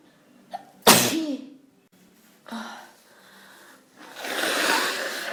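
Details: Sneeze attack in a person who woke with hay fever and a cold: one sharp explosive sneeze with a quick intake before it, then breathy sniffing and huffing.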